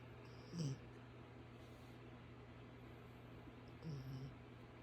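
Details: Sleeping dog snoring: two soft, low snoring breaths over a steady background hum.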